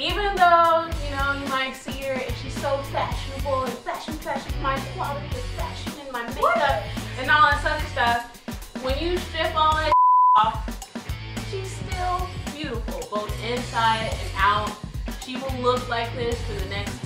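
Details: Adult woman speaking over music; normal speech.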